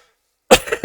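After a brief silence, a single sharp burst with a short trailing follow-through, consistent with a cough from an adult.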